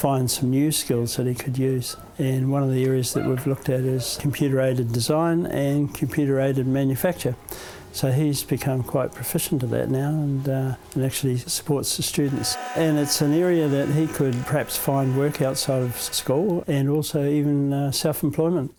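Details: Adult male speaker; ordinary speech.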